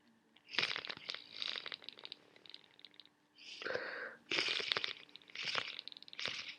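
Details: Sneezing and sniffling from a worsening common cold: several bursts of sneezing with sniffles and a long, forceful nose blow.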